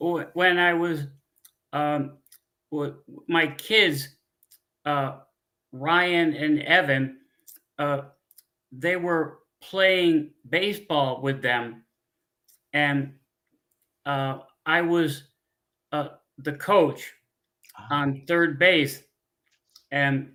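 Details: Adult man with non-fluent aphasia with word-finding pauses after a stroke 15 years earlier; he cannot read or write.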